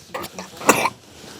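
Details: Young girl in pediatric emergency transport who started snoring around noon; the clinician hears some congestion on the right and queried pneumothorax. A single short, wet-sounding cough during nose-clearing and suctioning.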